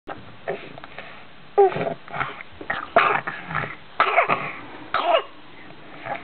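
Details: Pet animal, a female, coughing and spitting: four or five harsh, abrupt coughing bursts with wet, spitting throat sounds between them.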